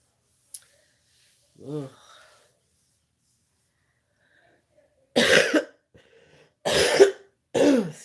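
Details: An adult who is sick with body aches, feeling "hit by a truck", gives three loud, harsh cough bursts after a brief voiced sound; a cough during illness.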